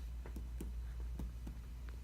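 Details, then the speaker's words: Chest percussion on the right side of a patient with decreased breath sounds just above the eighth rib, mid-axillary line, and reduced right chest movement: short hollow taps giving a tympanic note, attributed to air trapping with hypoventilation. "you hear a hollow say it's an panic I put my hands on her ask her to take breaths in to the right side moves the left excuse me the right side doesn't move the left side does you see the pattern what gives you a tympanic sound and also a decrease pretzel hi / excuse me hypoventilation due to air traffic in Fathima she'"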